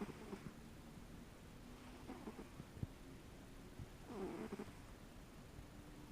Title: Pumpkin snoring